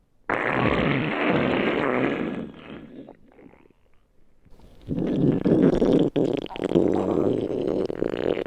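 Long rumbling, gurgling bursts with a quiet gap between them: ordinary stomach growling from gas and fluid moving through the gut.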